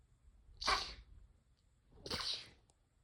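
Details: Two short, quiet, high-pitched hissing sneezes about a second and a half apart, typical of a small animal; sneezing.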